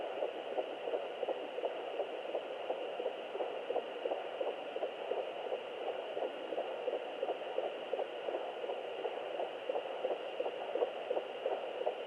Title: 11 weeks fetal heartbeat via doppler